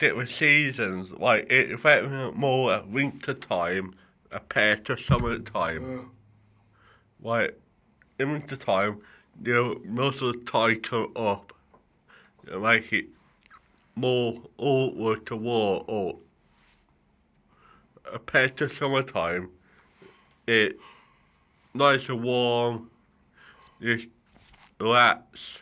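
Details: Adult male with cerebral palsy affecting the right side of his body, which he says affects his speech and mobility; dysarthria.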